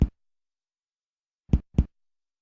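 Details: Dull percussion note during a systematic abdominal percussion exam: three short, low, flat thuds.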